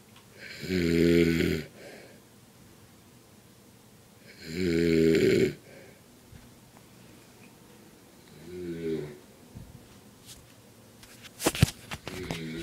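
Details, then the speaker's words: Old man asleep, son suspects he is drunk again, giving loud rattling snores about every four seconds, a fainter third snore, then rustling; heavy snoring. "and that was my dad snoring rate comment comment"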